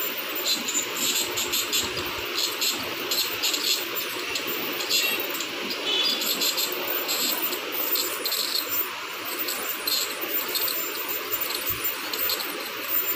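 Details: Ultrasonic dental scaler used during teeth scaling with water spray: steady high-pitched hiss and buzz as the vibrating tip works on the teeth.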